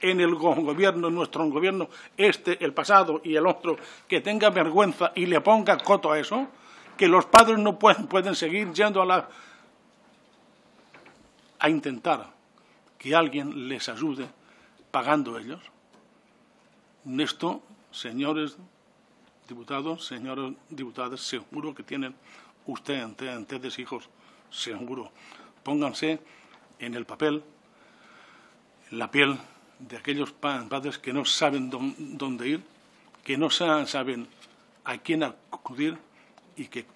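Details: Adult man who stutters, speaking publicly in person before a parliamentary disability commission; he says stuttering makes him take longer to say things than to think them; stuttering.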